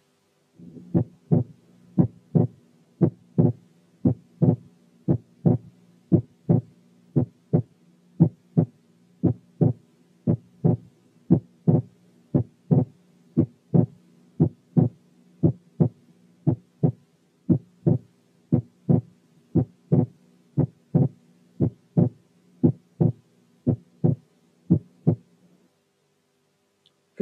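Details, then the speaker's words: Normal inspiratory (physiological) splitting of the second heart sound, with breath sounds removed by special sound filters; regular heart sounds near 58 per minute, S2 split only during inspiration and single on expiration. "في الحالة اللي جاية صوت التنفس إحنا شلناه عن طريق ساوند فلترز خاصة ومسموع النورمال انسبيراتلي سبيتنج بتاع السكند ساوند لوحده."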